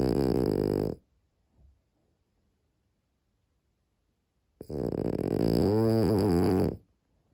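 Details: Sleeping dog snoring: two long, rough, buzzing snores separated by a quiet pause; ordinary snoring.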